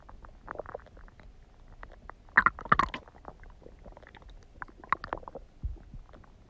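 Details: Irregular soft gurgles and bubbling rumbles from the belly with a few louder squelches, from a four-minute tummy gurgling recording; ordinary bowel sounds.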